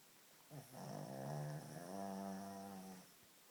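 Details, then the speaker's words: Sleeping flat-nosed Shih Tzu that snorts and snores at night: a single drawn-out, droning, vibrating breath sound lasting over two seconds; dog snoring. "bark clay I can't stand the noise it's just too noisy barlay barlay can you wake up and stop snoring please it's just too much to listen to"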